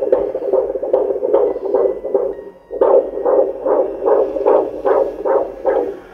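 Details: Rapid, regular whooshing fetal heartbeat on Doppler at about 150 beats a minute, a normal fetal rate.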